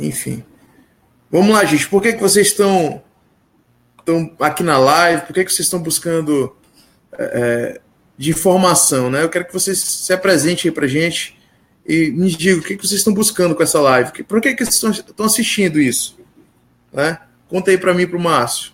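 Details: Adult man speaking Portuguese; ordinary fluent speech.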